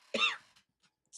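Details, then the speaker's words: A single short, harsh adult cough that fades quickly into near silence with faint room noise, heard during a live stream; the cougher says it sounded raw. "excuse me. That sounded so raw."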